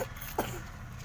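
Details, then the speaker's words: Cough in a 10 kg child with a cold and cough, weighed and checked in a short video. "नहीं नहीं खासी हो रहा है ओ हो खासी होता"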